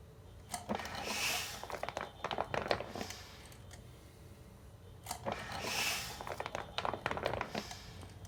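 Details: Rhythmic airy whoosh with creaking, clicking spring noise about every 4.5 seconds from a homemade mechanical ventilator pump cycling, running 24+ hours; spring noise checked and judged okay.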